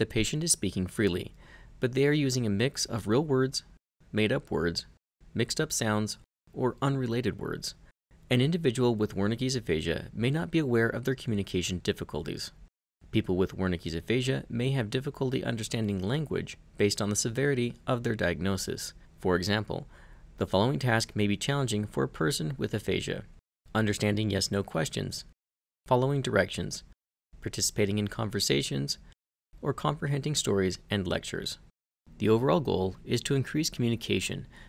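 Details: Adult narrator; normal speech.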